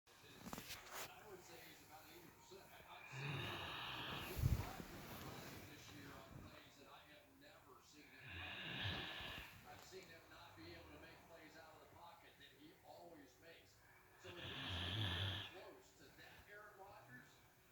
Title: Great Dane snoring